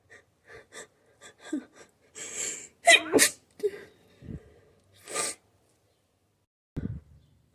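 A run of small suppressed sneezes and catching breaths, followed by several louder full sneezes: a sneezing fit, partly stifled.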